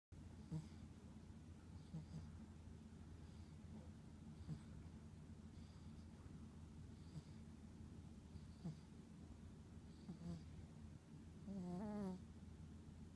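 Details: Sleeping Chihuahua's gentle snoring: soft, faint snuffling snores recurring every one to two seconds over room hum, with a brief squeaky whimper near the end, as if dreaming.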